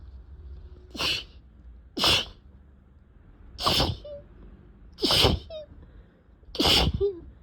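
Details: Uncontrollable sneezing with a very itchy face, a fit that felt like it would never stop: five sharp, explosive, wet sneezes in about seven seconds with brief squeaky breaths between them.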